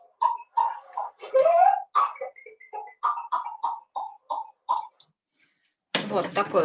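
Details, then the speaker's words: Child's pertussis (whooping cough) paroxysm: a run of rapid, short coughs with a high drawn-in inspiratory sound early on. "кашель затрудненным вдоль вдохе по типу ларингоспазм а и кашель при коклюше у детей"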